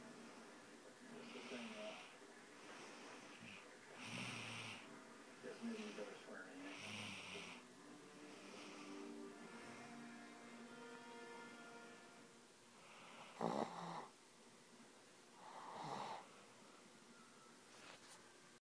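Irregular rattling snores on breaths, broken by two abrupt loud snorts near the end.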